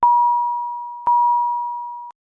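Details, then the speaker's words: Philips HeartStart XL+ monitor/defibrillator high-priority alarm, warning of a life-threatening condition such as asystole or ventricular fibrillation, shown on a red background: repeating steady mid-pitched beep tones about once a second. "a high priority alarm warns of a life-threatening condition such as a systole or ventricular fibrillation the alarm message displays with a red background and sounds like this"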